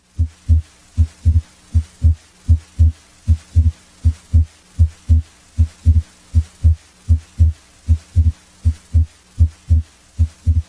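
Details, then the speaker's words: Auscultation over the pulmonic area: regular heart sounds about 75 a minute. S2 splits into aortic A2 and pulmonic P2 on inspiration and merges on expiration, which is physiologic S2 splitting. "try to identify the inspiratory splitting of s2 into its two components its first component a2 is from left-sided aortic valve closure its second component p2 comes from right-sided pulmonic valve closure"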